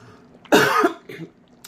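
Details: Adult coughing: one loud, harsh cough with a short follow-on throat-clearing sound, in a quiet room.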